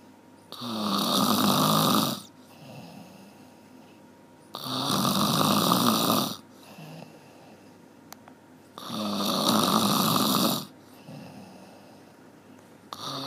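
Loud, rough snores on each breath in, about 14 a minute, with quieter breaths out between them; steady snoring.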